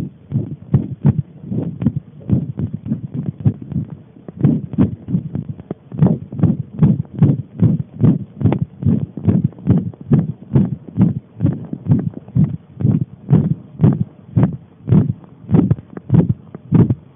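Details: Heart sounds: steady, loud, low thumping heartbeat at about 70 to 75 beats a minute, with paired thuds on each beat.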